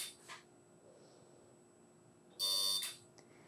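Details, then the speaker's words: CO2 laser firing: short high-pitched electronic buzz under half a second, a stamp-like second pass over a deep chickenpox scar on the forehead during laser resurfacing, quiet room. "because this is a slightly deeper scar we're going to go ahead and retreat the same area with the laser just like a stamp"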